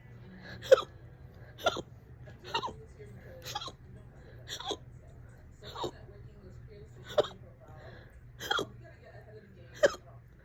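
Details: Fast, loud hiccups, on and off all day, current bout about 30 minutes: sharp hiccups recurring about every second, nine in ten seconds, roughly 50 a minute.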